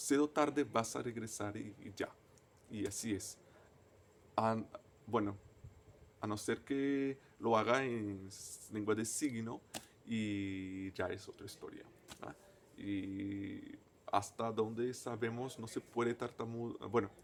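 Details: Stuttering in an adult man, a native Portuguese speaker, speaking Spanish as a foreign language.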